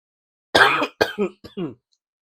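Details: Adult eating very bitter bitter melon (pare) coughs: a short run of four harsh, throaty coughs, first strongest, trailing into throat clearing.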